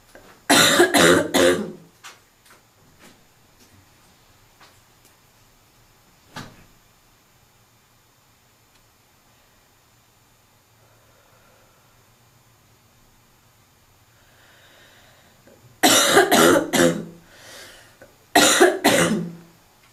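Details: Seasonal barking smoker's cough, labelled (f): three bouts of harsh, barking coughs separated by a long quiet gap.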